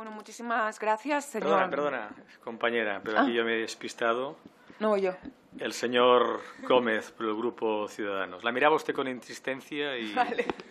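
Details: Adult man speaking Spanish; normal speech.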